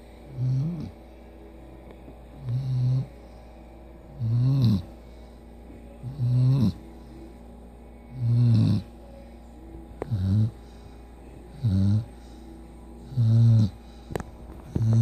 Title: She snores